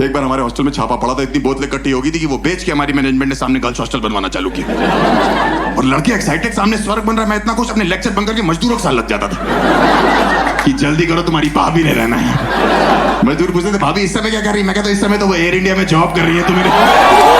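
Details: Adult man, stand-up comedy performance; ordinary speech.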